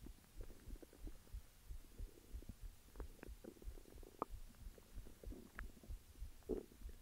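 Low bubbling, gurgling rumbles with scattered pops over a soft hiss; normal stomach growling.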